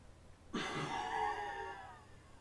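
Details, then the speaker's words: Welch Allyn PC-based spirometer FVC test: the patient breathes in, places the flow sensor in the mouth and blows out as forcefully and long as possible. A single sharp, forceful breath out tapering over about 1.5 seconds; forced expiratory blow. "the patient should breathe in as before place the sensor in their mouth before blowing out as forcefully and for as long as possible before their volume is used"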